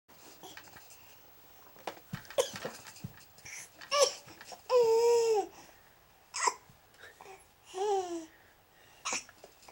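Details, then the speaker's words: Sharp, catching hiccups come between a young child's babbling and laughter in a small room; hiccups. "that you got rid of them for a second she try some milk should try to drown the hiccups they say"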